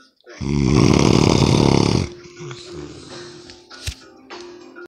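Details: Loud snoring: one loud, deep, rattling snore lasting over a second, followed by quieter breathing and small noises.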